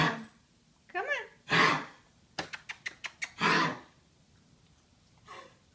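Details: Female dog with harsh, noisy coughing bursts, a quick run of short hacking sounds between them, and a brief whine early on; coughing episode, afterwards described as not too bad and possibly improving.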